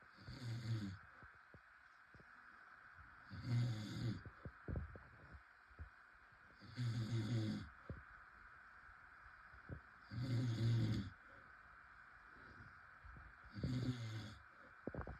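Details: Rhythmic low rattling snores on each breath, about 18 a minute, over a steady background hum; snoring during sleep.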